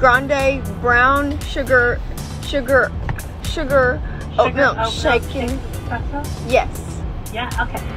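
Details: Woman with anxiety-induced, situational stutter that occurs under pressure when talking to people, with blocks and sound and word repetitions; stuttering.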